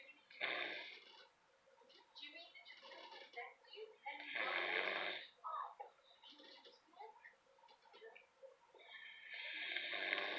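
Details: Loud, harsh snorting snores at irregular intervals from a sleeping dog, with some muffled sounds in a small room.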